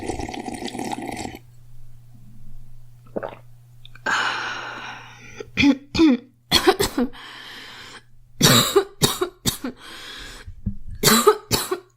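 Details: Girl coughing: several short, sharp coughs in bursts with pauses between, some with throat clearing, over a steady low room hum.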